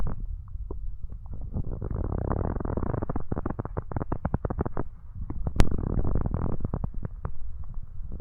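Long, low gurgling rumble with rapid bubbling pops and a brief sharp click; ordinary stomach growling.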